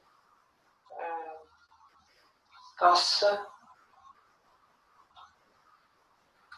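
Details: Patient with nonfluent variant primary progressive aphasia during a picture description; nonfluent speech.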